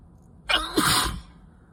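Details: One wet, forceful sneeze with a quick catch of breath before it, during an itchy, messy sickness/allergy sneezing fit.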